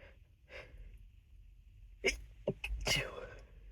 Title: A lot of nose blowing and stifled sneezes